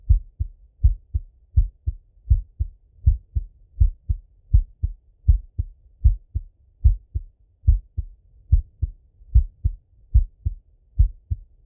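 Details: Full heart auscultation of a male, recorded either sitting at a desk or lying in bed: steady paired lub-dub at about 80 a minute, crisp with nothing between beats; normal heart sounds.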